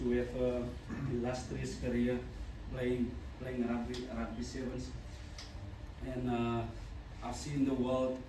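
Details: Adult man, a former rugby sevens player, who stutters. He says his stutter began in childhood and was very severe then. Finding: stuttering.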